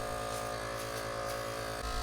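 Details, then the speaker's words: Steady, loud motor hum and buzz of a Philips Respironics nebulizer compressor running after teardown and reassembly, tube attached; normal operating sound. "So, let me actually put this all back together and show you this running because this has some it makes a cool sound."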